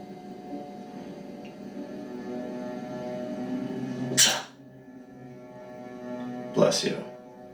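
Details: A woman gives two loud, sharp sneeze bursts a few seconds apart over soft background music; ordinary sneezing.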